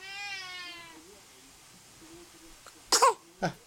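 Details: Infant girl sitting on her father's knee gives a brief coo, then a sharp sudden sneeze and a smaller second burst.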